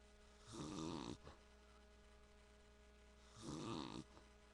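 Two rattling, throaty snores on breathing in, about three seconds apart, over a steady electrical hum. Snoring.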